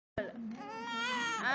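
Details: A 2-month-old baby boy crying to get milk: a sustained, rising wail in a small room, an ordinary infant hunger cry.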